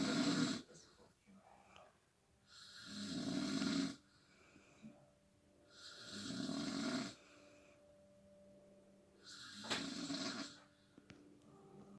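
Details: Snoring: three long, hoarse, rattling snores on the in-breath with quiet gaps between, about 18 breaths a minute; ordinary snoring.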